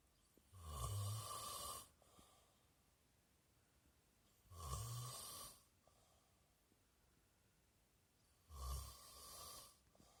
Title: Boyfriend snoring ;)